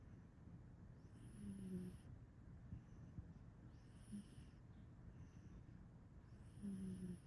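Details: Sleeping male cat snoring: soft, faint snoring breaths, about three heard, over a low background hum.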